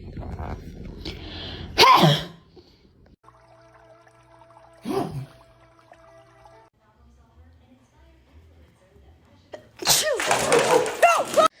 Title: One sneeze sent my cat flying 😂😂 #foryou #funny #pets #anmals #cat#startled #fyp#foryou